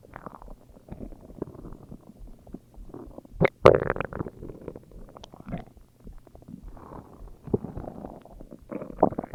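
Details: Stomach growling: continuous gurgling and rumbling from the belly, with a few louder squelches.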